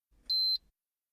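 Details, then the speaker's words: Single high-pitched electronic beep from an ear thermometer that a doctor gently placed in a young boy's ear during a surgery visit, signaling the temperature reading is ready; ear thermometer beep. "the thermometer goes beep when it's ready"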